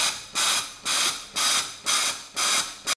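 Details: High-frequency jet ventilation, noninvasive, via a soft-rimmed transparent face mask using a Paravent jet ventilator with multi-jet generator (usually no. 10): rhythmic bursts of gas hiss, about 120 a minute.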